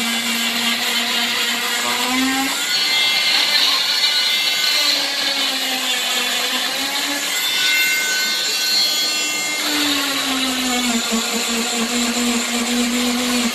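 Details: Cast saw cutting a plaster leg cast on a 12-year-old girl in hospital after foot surgery for an extra navicular bone: a steady high whine whose pitch dips as the blade bites into the plaster.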